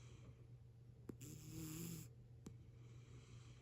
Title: Snoring kitty